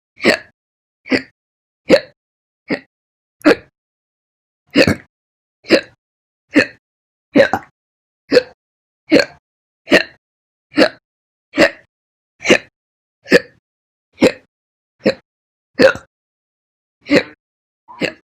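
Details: Repeated slow hiccups, about 22 short, sharp, evenly spaced hiccups at roughly 73 per minute with silence between them.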